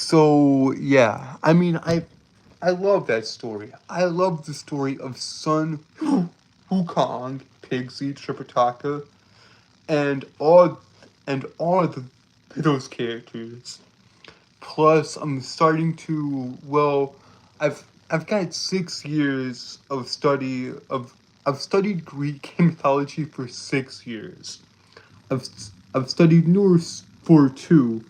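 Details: Stuttering in a male streamer who says he has a speech impediment that makes him stutter and trip over his words; phrases are repeated over and over.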